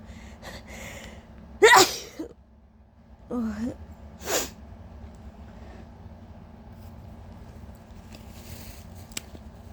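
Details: Induced allergy sneezes in a person whose nose has been extremely sensitive all day: a sharp, forceful, wet sneeze, then a softer second burst and a third short one in a quiet room.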